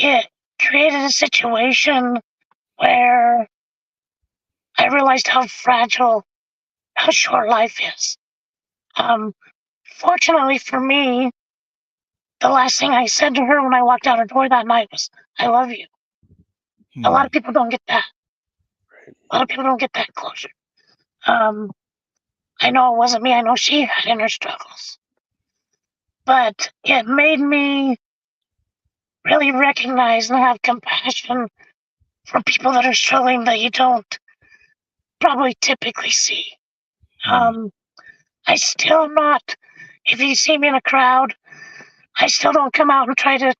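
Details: Adult male with vocal cord paralysis from a severe injury; tracheostomy removed after 2 months; a scope still shows paralysed cords; he has spoken this way for 25+ years.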